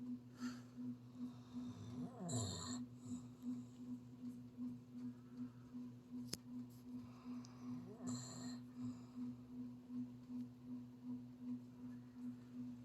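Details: A sleeping animal makes soft, rapid, rhythmic snuffling snores over a steady droning background hum; snoring.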